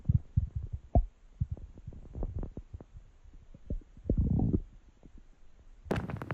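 Low gurgling rumbles and bubbling pops from the belly, with a louder rush near the end: ordinary stomach growling from gas and fluid moving through the gut.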